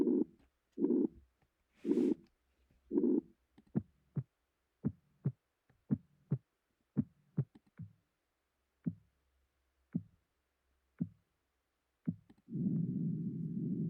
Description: Nothing is more frustrating than to suffer from pulsatile tinnitus or ear clicking, an intermittent sound nobody else but you can hear.